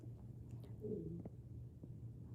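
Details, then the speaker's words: Hungry speaker's stomach rumbling, heard during talk: a low, gurgling growl with a brief rising groan, typical of hunger borborygmi. "Did you guys hear my stomach grumble? Did you look Can you hear it? You guys, my stomach is rumbling."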